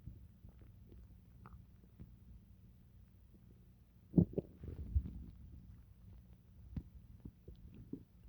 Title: stomach noises from pizza